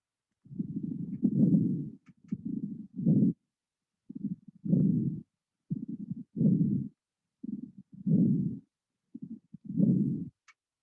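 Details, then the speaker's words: Coarse, popping, discontinuous crackles in each rapid breath through a stethoscope, fluid in airways; associated with pneumonia or congestive heart failure. "crackles occur to excessive fluid in the airways it's often associated with lung infections like pneumonia or other conditions like congestive heart failure the sounds are very discontinuous"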